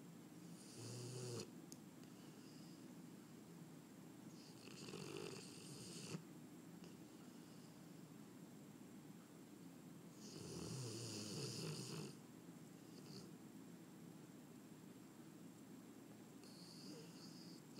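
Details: An English Mastiff snoring in sleep: slow, fluttering snores at about 14 breaths a minute against a steady background hum.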